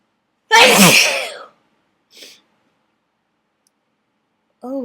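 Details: One loud, wet, explosive sneeze with a voiced cry, a faint sniff, then another vocal sound: a messy sneezing fit in an adult, set off by dust in an attic.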